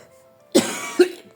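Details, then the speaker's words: Two short coughs from an adult woman who says she has a cold and has lost her voice, with faint background music; an ordinary cough. "Je m'excuse, j'ai perdu ma voix et j'ai été très émue, même si je suis enrhumée, je n'arrivais pas à parler."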